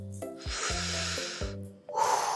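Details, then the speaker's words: Simulated normal, healthy lung sounds, stethoscope on the right upper back during deep breaths, in a children's play demonstration: soft airy breath in and out over light background music. "Wow, Luna has a really healthy lung."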